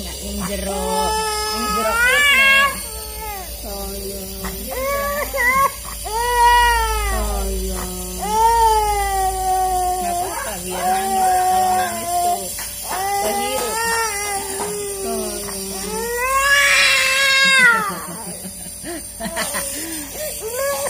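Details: A one-year-old with cough, cold and flu cries loudly during nasal steam therapy, in long, wailing bursts with brief catches of breath between them.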